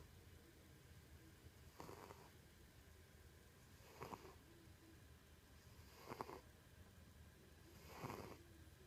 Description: My cat snores loudly